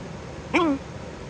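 A single short, sharp voiced gulp with a quick falling pitch, typical of one hiccup.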